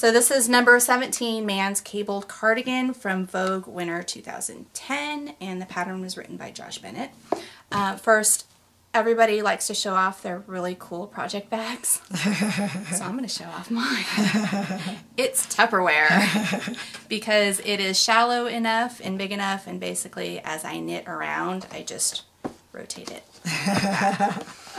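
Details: Adult woman speaking; normal speech.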